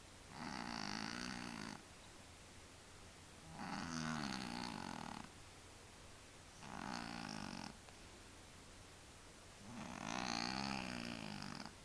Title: Funny Cats Sleep Snoring